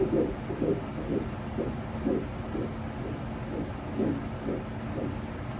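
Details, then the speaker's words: Rhythmic whooshing Doppler pulses at about 125 a minute in early pregnancy; fetal heartbeat on Doppler. "because it is still so tiny a fatal Doppler device can pick up the heartbeat"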